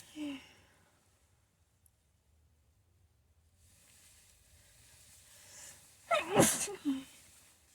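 A quiet pause, then a sharp forceful sneeze with a catch of breath before it and a short after-sound.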